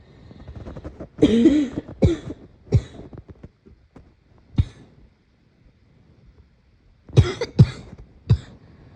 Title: Morning cough